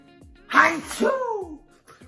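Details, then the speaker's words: Single loud sneeze after smelling a sprayed fragrance: a sharp burst followed by a voiced tail in a quiet room. "let's do that one again it was this one okay cuz I want to be sure that's what I was smelling man I'm going to be sneezing ah okay we got dhill drip"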